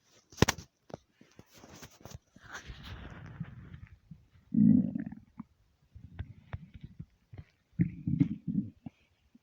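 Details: Empty stomach: low gurgling and rumbling bursts with some clicks and pauses; ordinary stomach rumbling (borborygmi).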